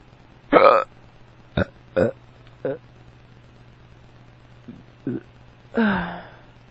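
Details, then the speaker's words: Drunk adult man still hiccuping after drinking water: about six abrupt, voiced, irregularly spaced hiccups in under seven seconds, ending with a longer burp-like sound; hiccups (singultus). "I still have hiccups. Oh my god, my hiccups are not taking the water."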